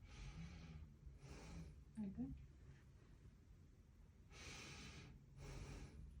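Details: Normal breathing: slow, airy, smooth, unlabored deep breaths in and out through the mouth, with a brief voiced sound between, during a head-to-toe assessment.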